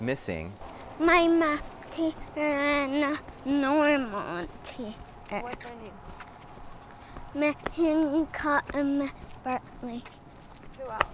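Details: Ataxic dysarthria in a young girl with Friedreich's ataxia, a degenerative autosomal-recessive genetic disease. Speech differences have been present since early childhood, with most consonants produced like "h" at age 3–4. Speech has improved with speech therapy.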